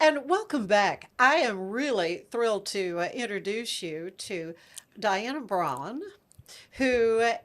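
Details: Adult woman speaking; normal voice.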